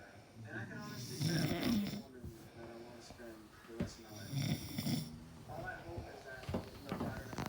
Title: The snoring crew